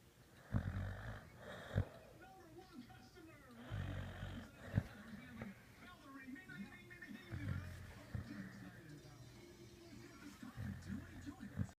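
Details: Snoring: low, rough rattling snores recurring every few seconds, with faint background noise; ordinary snoring.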